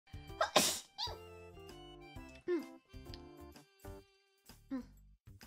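One sharp sneeze over soft background music, followed by brief vocal sounds.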